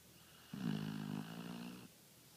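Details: Pit bull-type dog asleep, a frequent snorer: one low, droning snore lasting just over a second in a quiet room; snoring.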